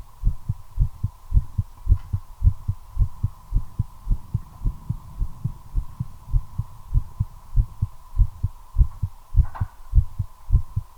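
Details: Own heartbeat recorded while smoking a cigarette, accelerating from nicotine: strong, steady low thumps at roughly 110 beats a minute; tachycardia.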